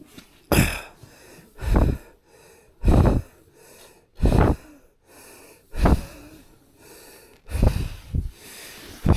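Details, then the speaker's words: Loud, deep, effortful breaths at about 45 a minute, each with a rough rush of air, from a climber lying in bed at Camp 3 on Mt Everest without an oxygen mask; heavy breathing at high altitude. "I can't believe this my respiration just lying down in bed at Camp 3 wow it's amazing tell you I don't breathe this hard when I'm Marathon"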